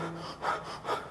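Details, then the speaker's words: An adult imitates quick, gasping, panting breaths like a dog, illustrating the fast breathing rate after running with a raised heart rate; imitated rapid breathing after exercise. "ત્યાર પછી શ્વાસોશ્વાસનો દર ઝડપી બને આપણે ફૂલ speed થી શ્વાસ લેવા માંડીએ"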